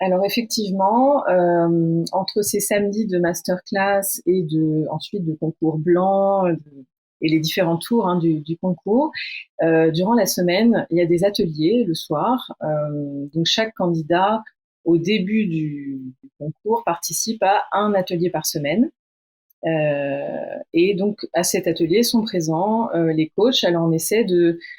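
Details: Adult woman speaking French; fluent speech.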